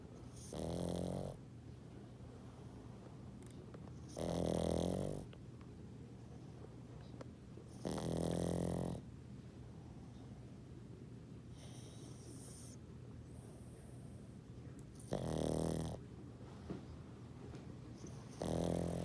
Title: Snoring Pug